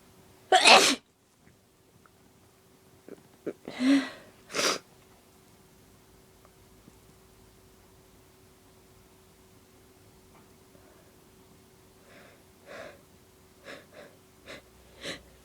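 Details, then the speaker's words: Adult woman's deliberately induced allergy sneezes growing stronger and messy: two loud, sharp sneezes with a noisy breath between, then fainter sniffs and nose-blowing bursts. "I'm gonna sneeze. Oh, they're so messy. Here comes another one."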